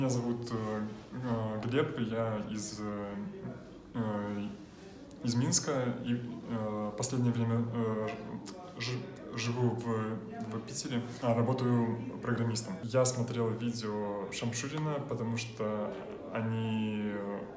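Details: Adult man with severe stuttering; stuttering.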